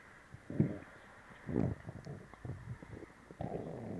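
Low, irregular gurgling and rumbling bursts from the abdomen: active bowel sounds, stomach growling.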